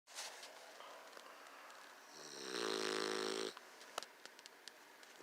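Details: Bulldog snoring: a single loud, buzzing inhaled snore in a quiet room, with faint clicks afterward.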